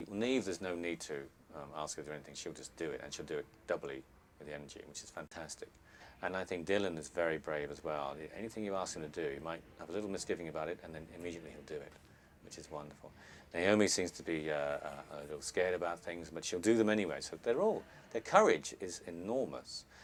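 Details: Adult man speaking; typical speech.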